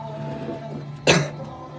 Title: Sf9 cough